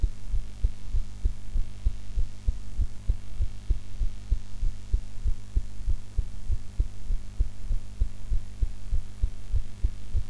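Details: Steady, brisk heartbeat thumps over a constant low hum, self-recorded in an unusual posture after eating; normal heart sounds.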